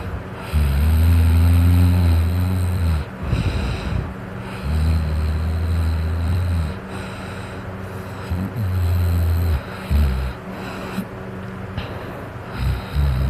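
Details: An adult snoring while drunk: loud, deep rumbling snores with each inward breath, several long rattling cycles in a row; heavy snoring.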